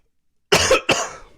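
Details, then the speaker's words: Two short, harsh dry coughs with no rattle, from an adult recovering from COVID who is trying to hold the cough back; they suspect post-viral syndrome. "you seem to be handling kovid like a champ i think i might be over it i still got like i like had a dry cough like a"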